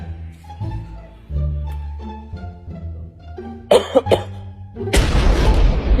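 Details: Child coughs on request after eating ice repeatedly; cough.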